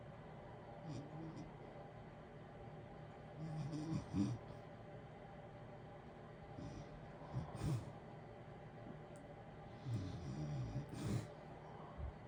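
Low, fluttering snores come about every three seconds under a constant heater hiss: snoring during sleep.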